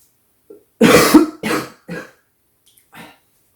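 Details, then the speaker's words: Adult woman with an evening cough during school holidays, apologizing to headphone listeners; a brief fit of about four harsh coughs with a small throat sound before it in a quiet room: coughing fit. "Pardon pour vos oreilles, si vous écoutez avec un casque, ça doit être horrible."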